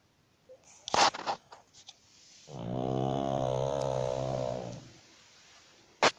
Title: pug snores